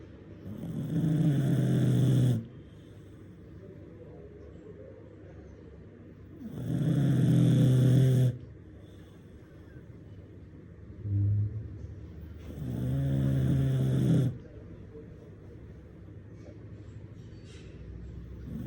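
Loud, low rattling snores about ten times a minute, each lasting around two seconds, with quiet pauses between.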